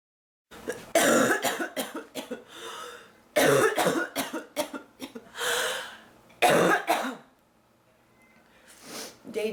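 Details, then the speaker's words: Cough from diagnosed bronchitis, worsening, with chest pains: three loud, harsh bouts of coughing and throat clearing, each several rough bursts, with short breaths between. "it's officially bronchitis and it's all her fault just so you know"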